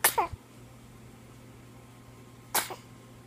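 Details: Two brief, sharp infant sneezes a couple of seconds apart; ordinary baby sneezing.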